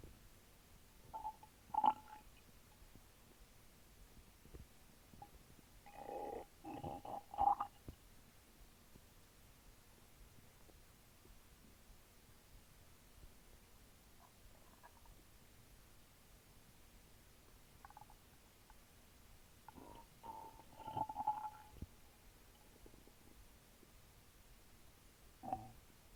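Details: Stomach recorded while drinking a small can of Sprite: intermittent gurgling and rumbling as the soda fizzes down; active bowel sounds.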